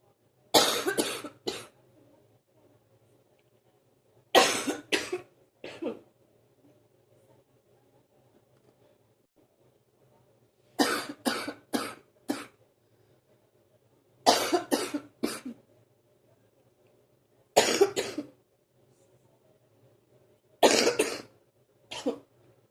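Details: Productive morning cough that lasts about 45 minutes before clearing: six bouts of two to four harsh, loose coughs, separated by quiet pauses with a faint hum.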